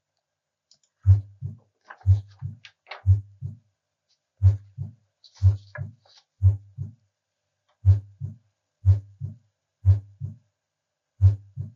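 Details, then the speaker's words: Opening snap of mitral stenosis, teaching example heard at the mitral area (fifth intercostal space, midclavicular line), patient supine, stethoscope diaphragm: regular heartbeat at about 60 a minute with a sharp extra sound just after S2, which can mimic a split S2. "opening snap occurs and these sounds are associated with mitro stenosis it can mimic a split S2 which is heard at the pulmonic area but a mitro of an opening snap is heard in the mital area"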